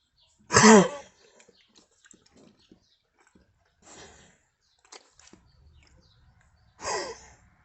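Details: Two sharp, harsh cough bursts several seconds apart with faint snuffling between; a dog coughing.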